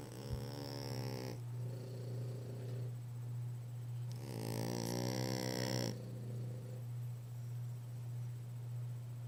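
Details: Two French bulldogs napping, snoring in tandem: long buzzing snores on breathing in, over a steady low hum.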